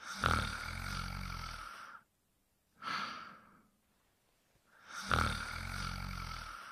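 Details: Cartoon character's simulated quiet snoring: a long, rough inhaled snore, a short airy exhale, then another snore, in a quiet room.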